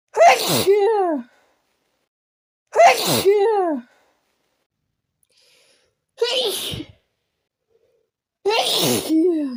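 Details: Sneezing fit induced by taking chhinkni (sneezing) powder: four forceful sneezes in quick succession, each a sharp burst with a trailing voiced cry, amid snorting and nose blowing.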